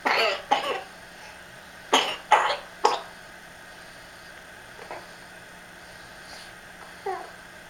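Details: Young girl's nocturnal coughing fit, recorded for her doctor: a run of five sharp, harsh coughs over about three seconds, then quieter coughs trailing off.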